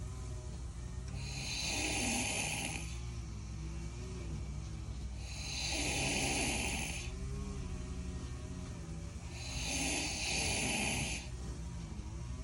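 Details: A person who can sleep anywhere, snoring loudly: harsh snores on each in-breath about every four seconds, roughly 15 breaths a minute, with steady background noise.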